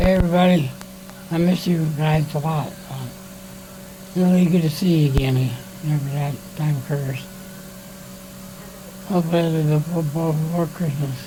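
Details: Reduced speech intelligibility, which his son finds a little hard to hear and understand, in an elderly man whose tracheostomy was recently removed (decannulated), recovering in a care unit with ongoing confusion and weakness.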